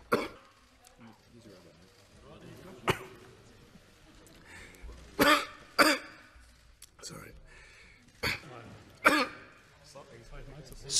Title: - coughing fit.. stop it..